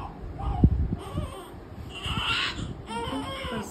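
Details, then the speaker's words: Thin, high wavering infant cry in short bursts, over room noise and a low thump; infant crying. "क्या हुआ, बच्चा रो रहा"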